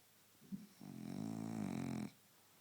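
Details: Sleeping French Bulldog, one long buzzing rattling breath typical of a short-nosed breed; loud snoring.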